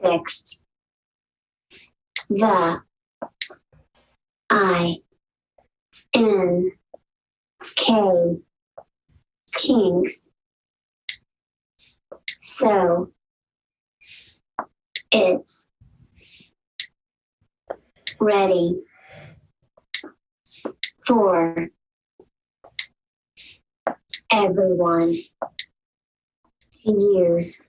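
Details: Adult woman with mixed cerebral palsy since birth who uses an AAC device and also speaks in her own voice; dysarthria (cerebral palsy).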